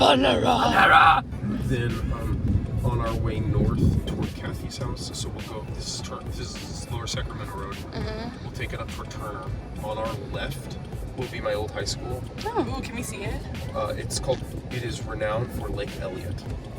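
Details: Adult man speaking in a moving car; no disorder.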